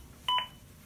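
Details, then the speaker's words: Zoll AED demonstration: a single short two-tone electronic beep over quiet room noise, an AED prompt tone during CPR coaching after the no-shock-advised analysis. "and then it prompts me to start CPR which is very important push harder and I don't do good enough compression get prompt you for some good compression and if I get tired or forget to do CPR"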